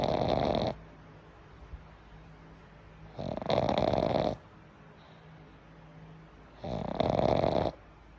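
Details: Boy snoring: three loud, rough snores about every three and a half seconds, each lasting about a second, with quiet pauses between.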